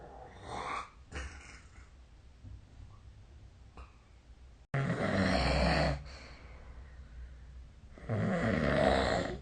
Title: 🐽 本日のイビキ / Snoring Sleep Sound 2025/03/28